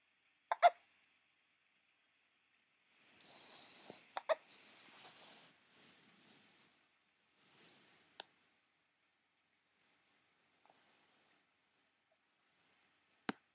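Short, sharp, isolated catches at irregular intervals, with breathing noise between them: hiccups.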